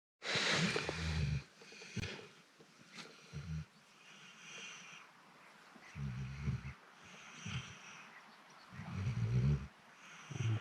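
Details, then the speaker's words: Labrador asleep in a boat on a fishing trip gives low, rumbling snores in uneven bursts outdoors, likened to a tractor; said to be snoring quietly for now. "так он дрыхнет лодки Может проспать пару часов храпит тут как трактор на этом еще тихо храпит"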